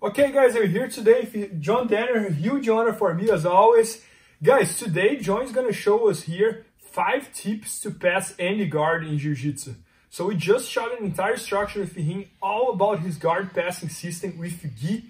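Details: Adult male speaker; Normal speech.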